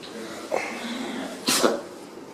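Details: A brief, sharp sneeze after a small snuffle, with faint room noise, from a compilation of sneezing animals.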